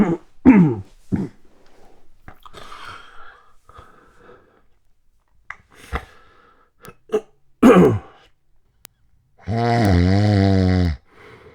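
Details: Short snorting bursts and quiet breathing, then one long loud buzzing snore, recorded overnight in 2016 from a self-described sleep apnea snorer; loud snoring (obstructive sleep apnea).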